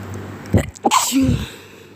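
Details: Repeated sharp sneezes with quick breaths and voiced release over quiet room noise, recorded while sick (since recovered); sneezing.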